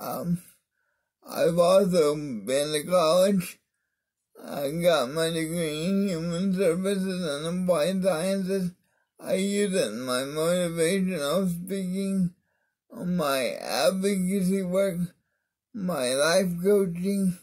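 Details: Mild dysarthria in an adult man with cerebral palsy of the spastic diplegia type, affecting his arms and legs; he attributes his different voice to it.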